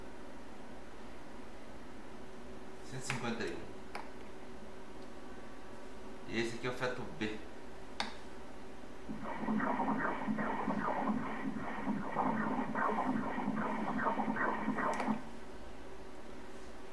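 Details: Doppler fetal heart sounds in a twin pregnancy during obstetric ultrasound; normal fetal heart sounds.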